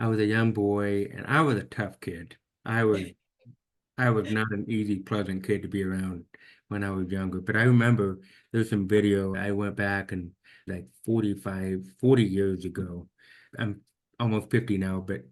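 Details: Man almost 50 with severe to profound hearing loss since birth, diagnosed at age 2, orally trained with about 13 years of speech therapy; finding: deaf speech (speech of a person with severe to profound hearing loss).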